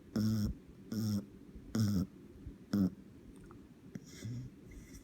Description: Totti the Beagle in a deep sleep and snoring in a way that will make you laugh!